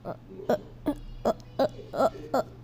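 Six or seven short, sharp voiced gulps at a steady pace, a cartoon imitation of hiccups, with a low hum behind.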